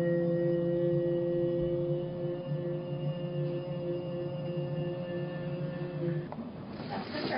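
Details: 21-year-old male with ataxia and dysarthria developing over months from a de novo ATP1A3 missense mutation (p.Gly316Ser) with progressive cerebellar atrophy, holding a loud 'e' on request; dysarthria on sustained vowel phonation.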